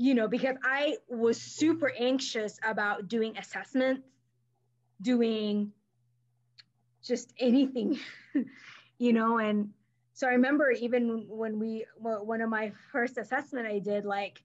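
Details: Adult woman who stutters, with a history of covert stuttering; stuttering.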